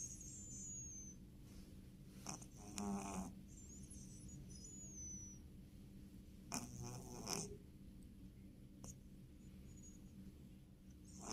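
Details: Sleeping cat snoring: two soft rattling snores over a steady low room hum.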